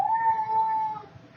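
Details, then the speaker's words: An 8-week-old baby boy cries, a single high, steady wail that fades after about a second; infant crying. "upset all day I might have to stop this video and restart it I hear him crying"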